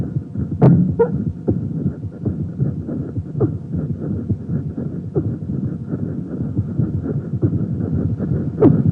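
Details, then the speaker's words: Pericardial friction rub from a cardiology teaching recording: repeated scratchy, grating sounds with each heartbeat over a low hum, likened to walking on freshly laid snow. It is described as heard diffusely over the chest wall and louder when leaning forward. "it is characteristically likened as being similar to the noise made when walking upon freshly laid snow listen to this murmur now"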